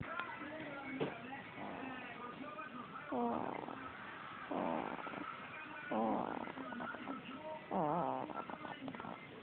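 Soft, wavering snores with each breath, four of them, from a small animal, over quiet background noise.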